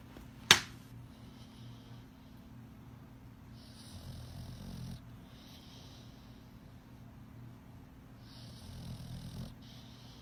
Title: My little buddy sure did snore 💤